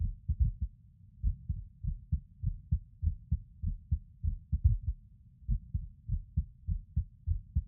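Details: Male recording his own heartbeat while lying on his bed: about 100 beats a minute with uneven spacing and occasional pauses, a skipping rhythm. Irregular heartbeat with skipped beats.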